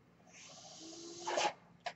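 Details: The speaker's own mechanical ventilator in the background: a soft airy hiss swelling into a louder rush of air with a faint hum, ending in a brief click, one ventilator breath cycle.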